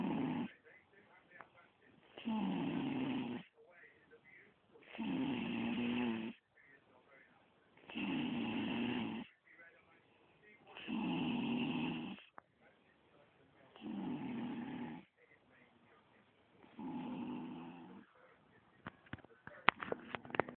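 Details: Seven steady, rattling snores about 2.5 seconds apart, roughly 21 a minute, with short quiet gaps between them: snoring.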